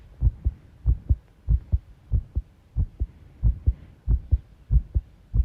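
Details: Heart sounds recorded while tidying a room, with clattering possible: low paired beats at about 95 per minute with slightly uneven spacing, an irregular rhythm (arrhythmia).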